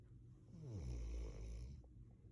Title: My dog snoring on my lap!